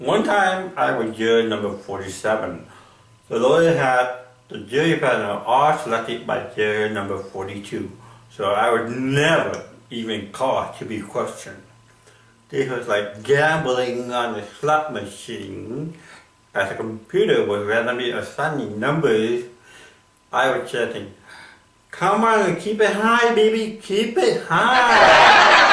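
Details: Male comedian with cerebral palsy speaking about jury duty; dysarthria (cerebral palsy).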